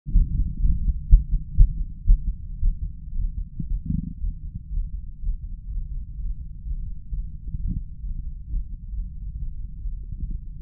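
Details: Adult male heart through a stethoscope during chest vacuum manoeuvres: forceful low thumps coming unevenly, strong then softer and muffled, with intense pauses and arrhythmic beats. Irregular heart rhythm with pauses.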